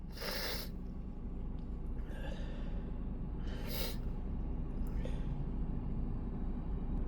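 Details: Two sharp, hissing wet sneezes a few seconds apart over steady car engine noise, in an adult whose nose was irritated by a long workday of dust and perfume exposure; sneezing.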